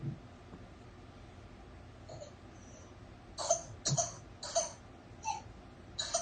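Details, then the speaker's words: An infant's run of short, sharp coughs in quick succession, multiple coughs in one breath, characteristic of bacterial whooping cough (pertussis). "that's a that's whooping cough that's not just your typical coal or something this is caused by a bacterium"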